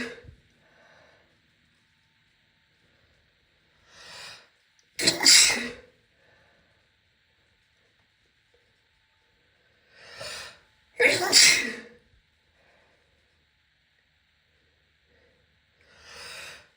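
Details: Female sneezing fit: two forceful sneezes, each preceded by a sharp indrawn breath, then a third intake with quiet pauses; repeated sneezing.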